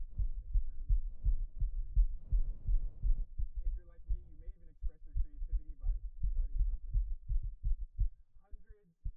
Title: Man's Fast Pounding Heartbeat Picked Up By Mic